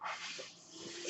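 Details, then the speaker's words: Mechanical ventilator noise heard during a podcast recording by its user: mechanical ventilator airflow. "Hello, everyone. My name is. That noise you're hearing is my ventilator. And welcome to Page Turners They Were Not, my Star Wars podcast."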